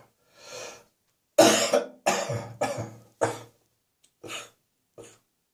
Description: I'm gonna cough around the clock tonight.